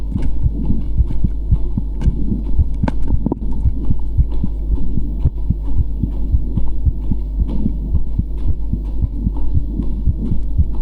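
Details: Heartbeat of a muscular man: steady, regular low heart thumps over a constant deep hum, consistent with a normal adult heartbeat.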